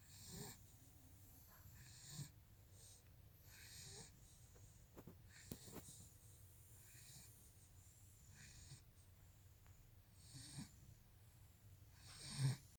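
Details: Shar-pei dog: repeated soft snorting, wheezy breaths through a narrowed airway, with a few louder snorts; snoring.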